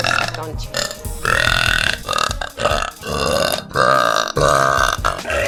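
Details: Girl deliberately trying to do deep burps: several long, loud, drawn-out voiced burps in a row; forced belching.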